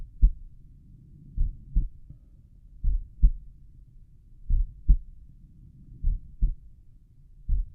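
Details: Self-recorded auscultation at the tricuspid valve area of a slow resting heartbeat: clear paired low lub-dub beats with long quiet gaps at about 38 per minute; normal heart sounds.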